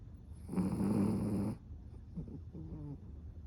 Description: Cavapoo snoring LOUD